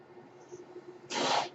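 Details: Podcast host's own mechanical ventilator heard in the background while he speaks, a mechanical ventilator sound.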